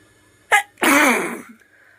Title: Nose sneezing//video